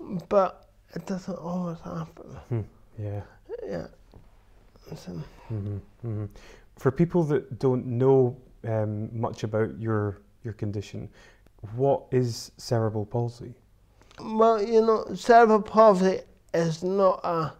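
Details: Adult interviewer in conversation, likely with a second speaker; typical speech.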